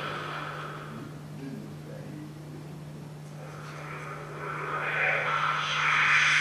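Hissy, whooshing noise with a steady low hum and no clear melody: instrumental music through a 16-channel cochlear implant simulation.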